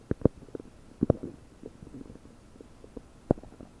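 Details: Abdominal sounds about 9 hours after eating 30 prunes, recorded with a desktop microphone, belly bubbly and bloated: irregular bubbly gurgles and sharp pops over faint room hiss; loud bowel sounds (borborygmi).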